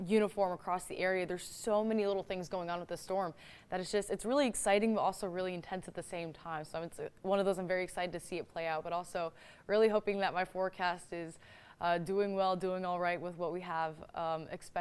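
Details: Adult woman speaking; normal speech.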